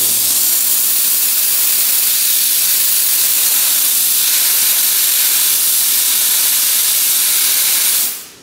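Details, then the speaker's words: Desktop steam cleaner for dental or jewelry work (5–6 bar), cleaning an earring with the handheld wand: loud, steady hiss of steam spraying about eight seconds, then stopping; working normally. "continue to spray until the steam go exhaust out then you can put it into here"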